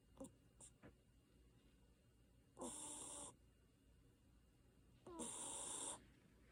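Two long, harsh, buzzy noises about two and a half seconds apart, with quiet stretches between them, fitting snoring.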